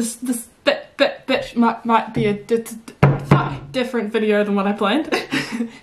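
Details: A woman with Tourette syndrome during a tic attack has an involuntary sworn word interrupt her sentence; vocal tics (Tourette syndrome).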